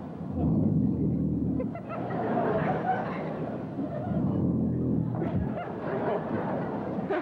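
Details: Very loud snoring: long, rough, roaring snores every couple of seconds, rattling like an engine revving.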